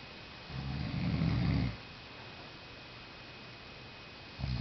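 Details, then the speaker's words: A sleeper, out cold and deeply asleep, snoring loudly: one deep, rattling snore lasting about a second, then quiet, then the start of another snore. "That was snoring."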